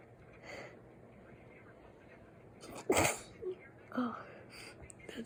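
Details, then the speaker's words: Woman deliberately trying to fake a cute-sounding sneeze: a soft, forced sneeze-like burst with a sharp breath, then small voiced attempts; simulated sneezing. "I'm trying to sneeze. Oh. I'm trying to make them sound all cutesy and I don't know, I can't do it right. They still sound like my regular ones."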